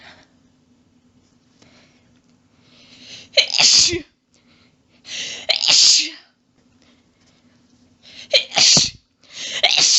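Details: Sneezing fit in a woman who can't stop sneezing. Repeated rapid sneezes, including quadruples, come in quick bursts with brief pauses and inhalations between. Some coughing follows as she loses her breath.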